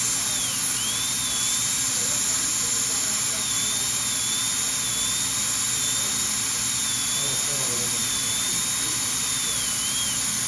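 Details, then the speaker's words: Dental high-speed handpiece, smaller 012 bur, preparing porcelain veneers with lingual chamfer margins on teeth #7 and #8: steady high-pitched whine with air hiss, pitch dipping slightly while cutting. "So we have to drop down to a smaller burr. So I'll go down to the 012 and try to do as much with that as I can."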